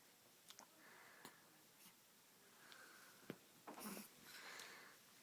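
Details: A 10-week-old baby girl breathing quietly, with faint high whistling tones on several breaths and a few sniffs; a soft wheeze.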